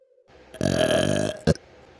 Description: My Sugar Rush plushies are belching again because their burps smell good and they don't stink!